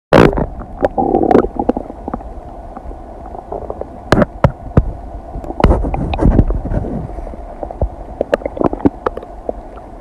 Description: A video edit of sounds of my stomach digesting some kombucha, cheese, and noodles, expanded to last 15 minutes.